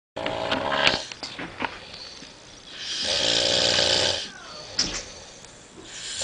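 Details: Heavy sleep snoring, likened to sawing logs and recorded as a snoring problem: loud, rough, rattling inhaled breaths with quieter exhalations between and brief background noises.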